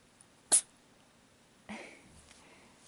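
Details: Sleepy kitten being covered with a sheet gives one sharp, high-pitched small sneeze, followed by a softer rustle of fabric. Sneeze.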